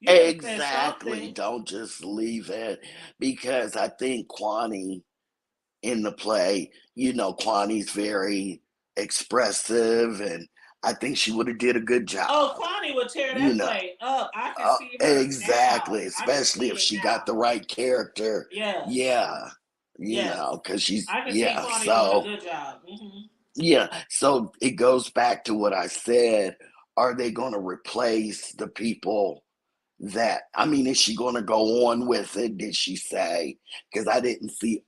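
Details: Adult woman whose vocal cord was accidentally touched during thyroid removal surgery, hoarse altered voice, expects recovery in a couple of months; dysphonia after thyroid surgery.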